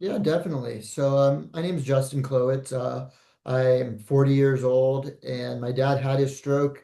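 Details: Adult man speaking; normal speech.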